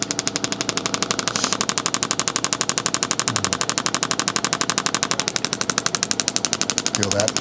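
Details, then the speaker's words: Intelect RPW 2 radial shockwave device on a patient's sensitive tissue, intensity being raised: steady, sharp rat-a-tat pulses about four per second from the internal magnet striking metal, with murmured voices. "metal basically on the other side creating a force W okay so there's no actual tapping on Madison's skin directly"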